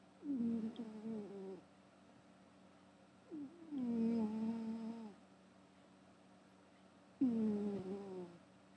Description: Gary the cat is snoring while he sleeps.